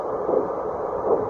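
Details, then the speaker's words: Handheld obstetric fetal Doppler with gel, demonstrated without a pregnant patient, accidentally over an adult operator's own blood vessel: a steady whoosh swelling with each pulse at about 60–70 a minute. "지금 내 맥박이야. 이거 내 맥박. 내 맥박이 지금 이 정도야. 60에서 70 사이. 지금 혈관 있는 데가 마침 닿은 거야."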